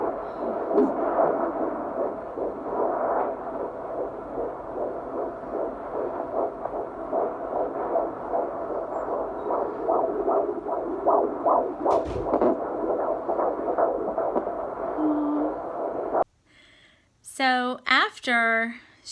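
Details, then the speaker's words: 15-week pregnancy, mother near 40, doctor's-office Doppler: fast rhythmic whooshing fetal heartbeat over hiss, measured 146, ranging about 142–153 beats a minute as baby moved; fetal heartbeat on Doppler. "found the heartbeat and we got to listen to it for like a really long time and she said it was it started out like 143 142 something but by the end it was like up to 152 153"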